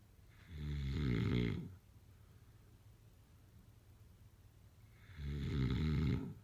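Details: Loud adult snoring: two deep, vibrating snores about four seconds apart with quiet breathing between.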